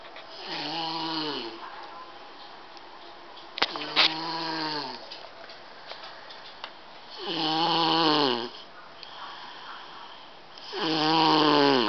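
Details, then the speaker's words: A nephew sleeping in his bed snores very loudly, a rumbling, rasping sound likened to sawing wood, about 17 a minute. Each snore lasts about a second, with quiet gaps between. "he isn't his a room so let's creep up on her now remember he's on the full of years old there he is in his bed canare it sounds like you see sawing wood ladies and gentlemen through here like this for you"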